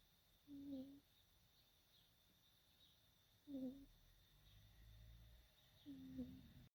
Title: cute lil kitten snoring #cat #catlover #snoring #cute #catsleeping #kittensleeping kittensl #pets